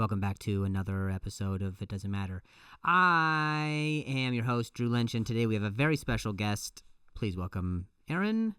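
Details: Adult male comedian who stutters and says it has gotten a lot better over the years; clip has repeated words and phrases; stuttering.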